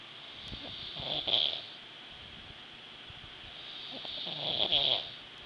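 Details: Two snores about three seconds apart, each a fluttering inhalation with a whistling, hissing edge, from a sleeping adult.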